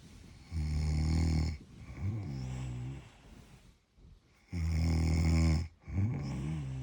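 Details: Person snoring while on holiday in London: deep, loud, rumbling snores alternating with softer buzzing breaths in a regular sleep rhythm; heavy snoring.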